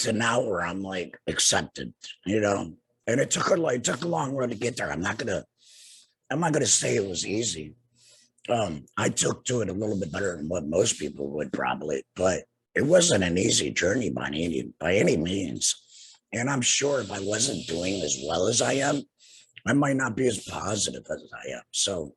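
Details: Adult man two years after total laryngectomy for cancer with radiation and chemotherapy, breathing through a neck stoma and speaking with a tracheoesophageal puncture voice prosthesis and an HME: tracheoesophageal speech.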